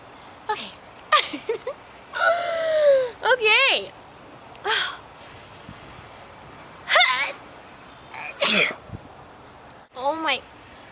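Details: Several sharp sneeze-like bursts with voiced gasps and cries between them; sneezing.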